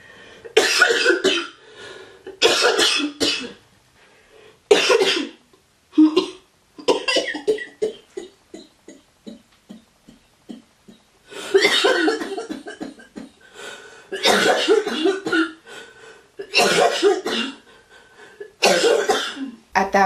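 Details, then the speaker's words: Chronic productive cough in a person with cystic fibrosis, left unedited: repeated harsh, wet, rattly cough bursts in clusters over soft background music. "I wanted people to hear my cops because in a lot of my videos I would edit out the cops"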